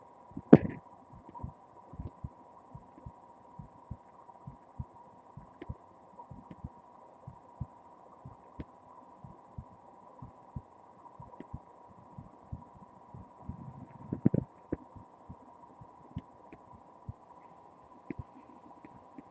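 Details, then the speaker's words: Own heartbeat recorded by a webcam microphone placed on the chest: regular soft low thumps of a heartbeat under a steady electrical hum. "we can hear me through my flesh, my if I put a microphone on my hertz. So let's hear my hertz."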